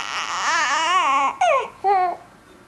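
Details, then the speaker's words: Baby crying in drawn-out, wavering wails, interpreted as the open-mouthed 'owh' tired cry in Dunstan baby language; tired infant cry. "allemaal moe moe ja oh ja en dat kun je zien je kunt het horen omdat het woord voor moe is ook"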